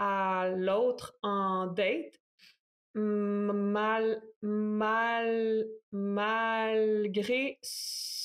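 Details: Stuttering in an adult man in his thirties who stutters.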